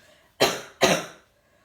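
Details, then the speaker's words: Two sharp, explosive coughs in quick succession, each fading within half a second, in a quiet room; a little cough, followed by offers of tissues, honey and orange juice. "have a little cough i don't remember william ever give a stosh"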